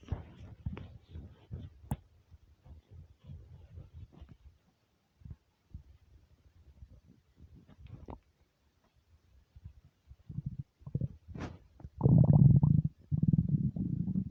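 Low gurgles and clicks, then loud prolonged rumbling near the end; normal hunger bowel sounds on an empty stomach.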